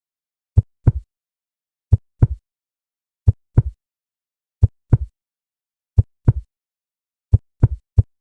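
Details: Human heartbeat sound effect, described as a normal heart sound at 125 beats per minute: regular paired low lub-dub thumps, heard at about 44 a minute; normal heart sounds.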